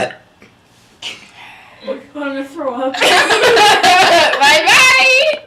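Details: Girl gives a drawn-out, low, voiced belch after drinking Coke, followed by loud laughter and chatter from others in the room; burping.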